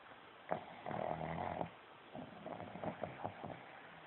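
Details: Pug dog snoring during sleep, recorded on an Android phone; rattling, snorting breaths from a flat-faced small dog, loud on breathing in.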